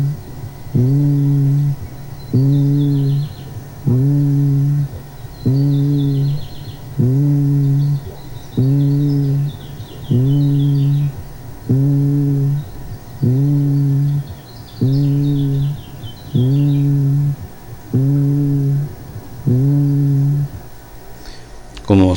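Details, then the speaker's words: Stethoscope diaphragm over healthy lung parenchyma while the patient repeats the letter "i": voiced 'ee' sounds that are muffled and resonant yet still recognisable; normal vocal resonance. "se fijan se escuchar resonante pero se puede identificar que es la letra i"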